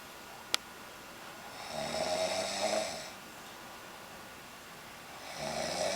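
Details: Woman deeply asleep in bed, snoring: two rattling, raspy snores on breathing in, separated by a quiet pause, with a faint click before the first.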